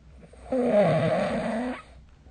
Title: 🐽 本日のイビキ / Snoring Sleep Sound 2025/03/27